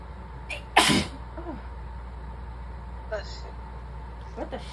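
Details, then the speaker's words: Sick person with a cold: one sharp, explosive sneeze followed by quiet voices saying bless you, over a steady low hum; a single sneeze. "Bless you again. Bless you, baby. Sneezy little bean. Oh, bless you, my love."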